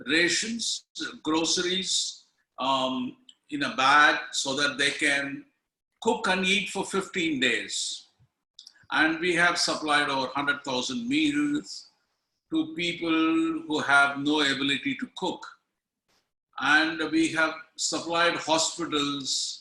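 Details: Adult speaker; plain speech.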